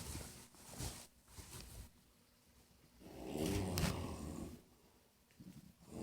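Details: A safety officer asleep on the job outdoors: soft rough breathing with one louder low rattling snore in the middle, over outdoor background noise; snoring.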